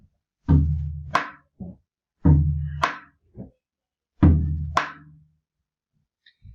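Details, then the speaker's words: Teaching demonstration of heart sound intensity: an imitated soft (muffled) first heart sound, S1, played after a normal S1 and an intensified S1 for comparison. "Por ejemplo, si esto es lo normal, si el ruido está intensificado, sonaría así. El R1. Si está velado, sonaría así."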